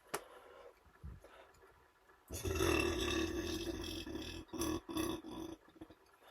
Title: Had a couple beers and couldn’t stop burping #burps #maleburp